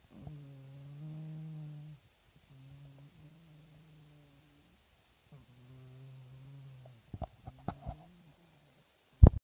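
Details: Snoring recorded October 2014: three steady, humming, tonal snores of about two seconds each in a quiet room, followed by a few sharp clicks.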